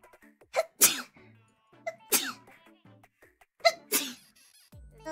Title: Neneka "Sneeze" 2